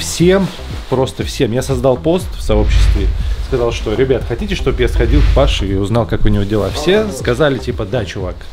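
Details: Adult male speaker; ordinary fluent speech.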